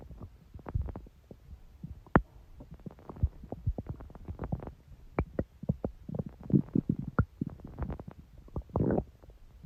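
Gurgling, popping and rumbling bowel sounds coming in irregular bursts; ordinary stomach growling.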